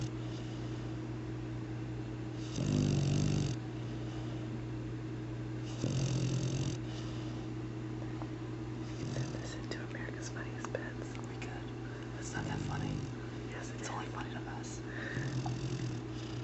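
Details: Lab mix dog snoring while sleeping soundly: repeated low rumbling snores against a steady background hum, with faint talk in the room.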